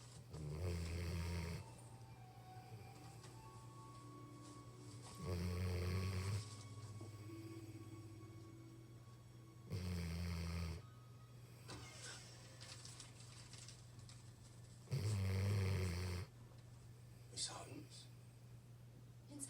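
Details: Sleeping puppy snoring: low rumbling snores about every five seconds, roughly 12 a minute, over a steady hum and faint background noise.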